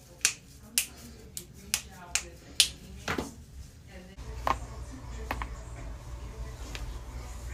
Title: joints cracking